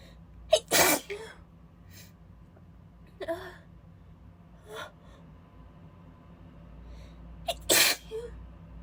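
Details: Female who is still a little sick has a breathy, spraying sneezing fit: two forceful sneezes, each preceded by a quick inhale, with softer breathy bursts between them.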